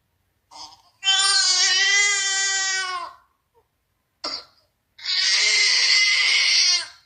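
An infant gives two sustained, high-pitched wails separated by a sharp gasping breath; the second wail turns strained and raspy. A cry from gas pain in the stomach.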